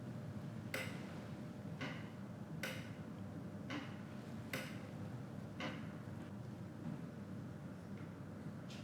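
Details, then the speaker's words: Tympanometry of the left ear at a Thai ear clinic: faint steady tone with soft regular clicks over low room hum as the probe tests middle ear pressure; normal tympanogram, peak within the normal box. "Bien, votre tympan gauche présente également un bon résultat. Normalement, le point le plus haut devrait être à 0, mais tant qu'il reste dans le cadre carré, c'est considéré comme normal."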